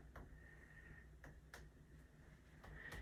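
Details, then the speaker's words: Normal resonant percussion note from five brief hollow taps, fingers tapped over a hand on the chest, over the lung fields in a non-clinical respiratory assessment skill demo; resonant throughout lungs, dull over organs such as spleen and liver. "normal findings for this would be resonant sounds all throughout your lung fields and then dull sounds over any organs so spleen liver Etc"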